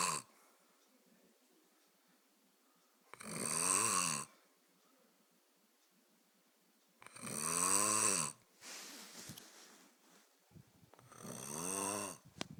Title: snoring